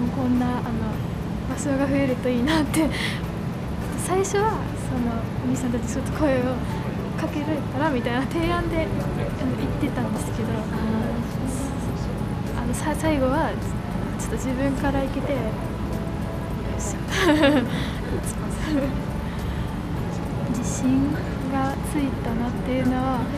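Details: Female second-year high school student with blocking-type stuttering since early childhood, who sometimes replaces difficult words with other words; stuttering (blocks).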